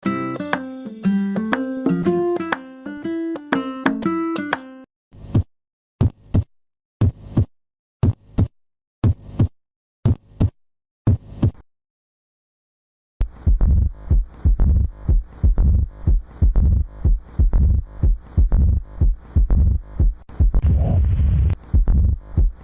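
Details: Regular paired lub-dub heartbeats at about 60 a minute on auscultation; normal heart sounds (S1 and S2).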